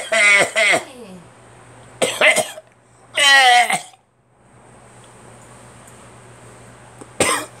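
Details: Four loose, wet coughs in short bursts with quiet gaps from an adult who says phlegm is coming up, blamed on cold, changing weather: productive cough.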